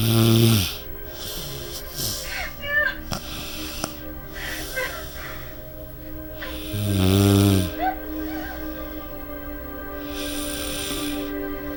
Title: Snoring in her sleep